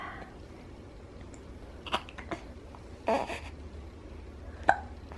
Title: Baby Hiccups & Smooches & Grins